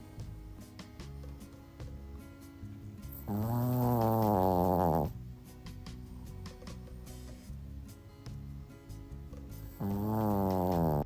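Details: 15-year-old Shih Tzu dog snoring: loud, drawn-out snores on breathing in, music playing in the background; ordinary snoring.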